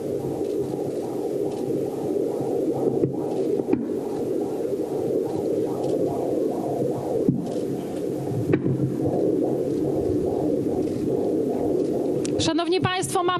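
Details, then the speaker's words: Fetal heartbeat on Doppler, mother's eighth pregnancy, demonstrated live at a public march; rapid, regular whooshing pulses at 128 beats per minute, called a very healthy rate. "mam nadzieję, że wyraźnie słychać tętno. Jakie mamy tętno? 128. Bardzo zdrowe tętno. Słychać bicie serca dziecka."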